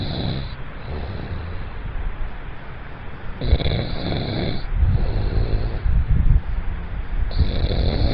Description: This Dude is snoring like HELL , that i couldn't sleep.